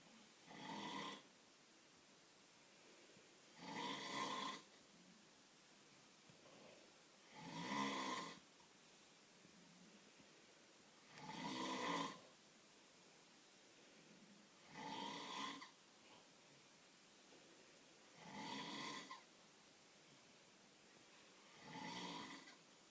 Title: Snoring in the dark